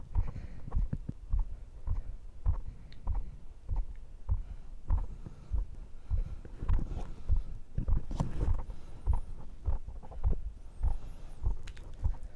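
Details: Own heartbeat recorded by microphone after strength training (arm curls), measured rate 98–104; strong regular low thumps about 100 per minute, normal heart sounds with exercise-elevated rate.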